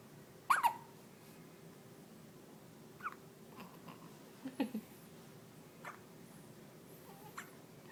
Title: Funny hiccups ~~~~